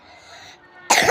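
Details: Coughing from a person who has a cough and has been told to drink kencur (aromatic ginger) as a remedy.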